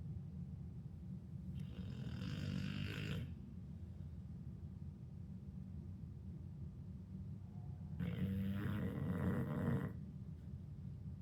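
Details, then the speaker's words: Two-year-old female dog snoring loudly while asleep, with two long rasping breaths over steady room noise; the owner says it sounds like a chainsaw and is her usual sleeping snore. "And this little snore that she does when she's sleeping, that's just her. That's my baby girl, Miss Harley May."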